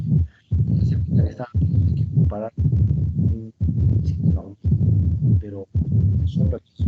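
Regular low, rumbling heart cycles at about 58 a minute, each ending in a brief, sharper tone: the low diastolic rumble of mitral stenosis.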